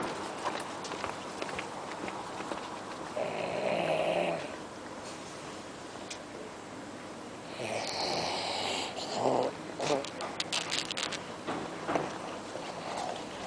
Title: Snoring Irish dog